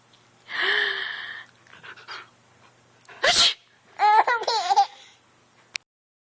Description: My baby girl laughs at my fake sneeze.